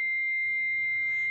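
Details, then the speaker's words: Pediatric AED use on a child or infant in cardiac arrest, training demonstration: steady high-pitched electronic tone while the AED analyzes heart rhythm, just before it advises a shock. "Make sure no one, including you, is touching the person. Say, "CLEAR!" in a loud, commanding voice. (AED) Don't touch person, analyzing."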